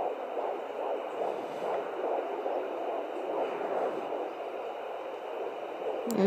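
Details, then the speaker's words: Fetal heartbeat at 15 weeks 2 days on an at-home Doppler: fast, rhythmic whooshing pulses about 160 a minute, normal range; the sound changes with probe angle and the fetus moves. "It's weird, it sounds different from different angles you get it at."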